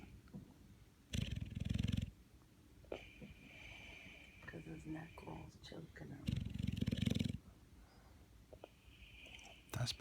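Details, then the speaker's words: An overweight pit bull snoring while resting with eyes open: two loud, rough, rattling snores about five seconds apart, with quiet room noise between. "fall asleep fall asleep your eyes are open but you're snoring a little"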